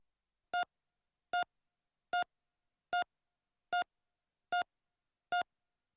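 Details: Simulated heart monitor sound effect: regular electronic beeps at about 75 per minute, a normal heart rate.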